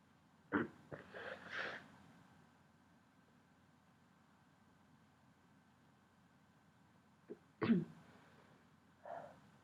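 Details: Pepper-induced sneezing: two sharp explosive sneezes, each with a short catch and a breathy trailing sound, followed by a softer breath.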